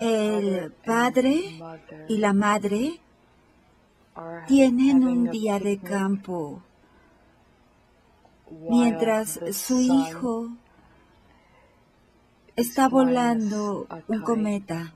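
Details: 58-year-old right-handed woman, symptoms beginning 4 years before recording, describing a picture; logopenic variant primary progressive aphasia.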